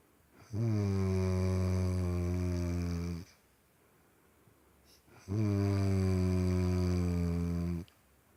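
Two long, loud, deep rumbling snores on breathing in, separated by quiet pauses; typical snoring from vibrating upper-airway tissue during sleep.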